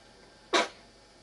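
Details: A little boy trying to sneeze, missing some attempts: a single short, sharp, hissing burst in a quiet room; one sneeze.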